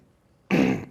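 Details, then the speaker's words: Adult man with Tourette's syndrome (a police officer) describing his tics, then a single sudden, forceful throat-clearing grunt after quiet; simple vocal tic. "I GOT LIKE STRETCHING TECH HAND STRETCHING WRISTS, ARMS I GOT THE HOF TO LAUGHING TECH HARD BLINKING. THROAT CLEARING FACE GRIMACE."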